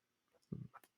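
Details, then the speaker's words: Stomach growling (borborygmi) picked up through headphones while recording a podcast: a brief low rumbling gurgle, then faint clicks in a quiet room. "just heard my stomach well i apologize i could hear that through my headphones"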